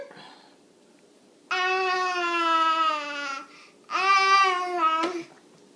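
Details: An infant: two sustained, strongly voiced wails with falling pitch, each about two seconds, in a quiet room; infant cry, recorded in a clip about her sneezing.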